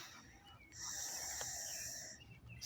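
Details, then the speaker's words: Laboured breathing through a tracheostomy partly blocked by crusted mucus after a jog, a night of snoring and half a cigarette: one long, harsh, high-pitched hiss of forced air. "my respiratory is I don't know it's I've got a mucus like uber and I can feel it and I you know I can feel it when I breathe in and breathe out and all the hangars it's really gross"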